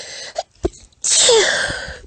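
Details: Adult woman's stifled, tiny, squeaky sneezes: two small stifled catches, then a longer hissing, squeaky sneeze release.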